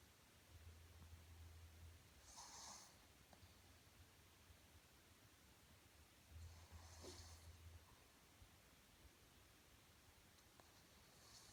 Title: snoring pug